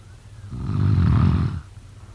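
A single deep, rumbling snore lasting about a second, rising and fading on an in-breath against quiet room noise.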